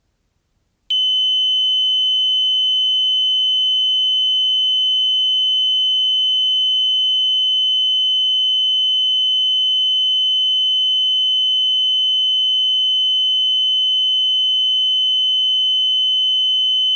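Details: After a moment of silence, a single high, unbroken electronic tone starts and holds steady: a multiparameter cardiac patient monitor's continuous alarm tone, recorded as a sound effect.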